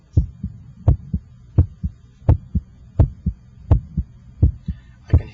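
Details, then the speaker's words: Normal first and second heart sounds through an electronic stethoscope at the apex (PMI), timed with the radial pulse: regular lub-dub at about 85 beats a minute, with the first sound louder at the apex. "the first hard sound and I can hear the second hearts the first hot sound should have a louder quality in this papacal position I'm just interested in listening to the first and second heart sounds"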